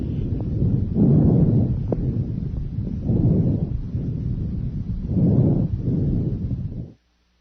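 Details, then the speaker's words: Soft, low rushing breaths with inspiratory and expiratory phases about equal in length, from a lung-sound teaching recording: normal bronchovesicular breath sounds, typically heard near the main stem bronchi or between the scapulae. "bronchovisicular breath sounds are a mixture of bronchial and vesicular sounds their inspiratory and expiratory phases are about equal in length"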